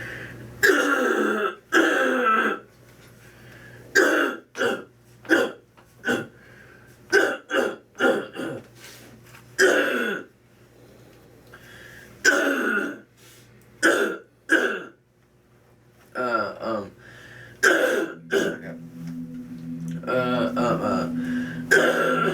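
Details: Young man with Tourette syndrome diagnosed at about age four. After high school he developed a severe, uncontrollable vocal tic of deep throat clearing, together with eye rolling; he is receiving a dental treatment. Finding: vocal tic (throat clearing).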